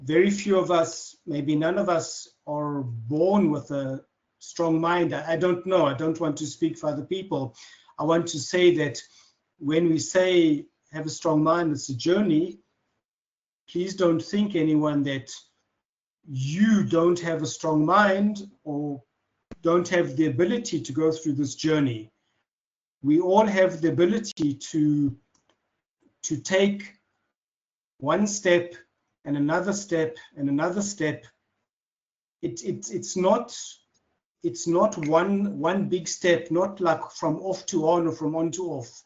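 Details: Adult man who has stuttered since childhood, speaking in conversation with audible part-word and word repetitions; stuttering.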